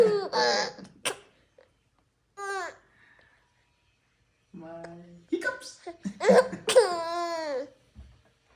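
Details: Baby with hiccups, giggling: squeals broken by short, abrupt catches in the voice, with quiet pauses between.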